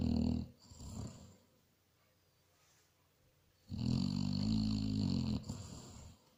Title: SNORING BASSET HOUND